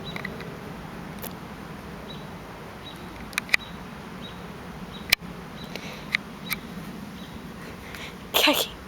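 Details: A pet cat sneezing. Finding: sneezing.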